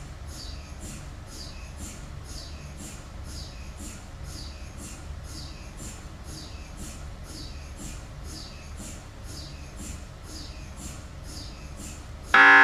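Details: MRI scanner noise while running a sequence: steady, rhythmic mechanical knocking and buzzing pulses, about two a second, over a low hum.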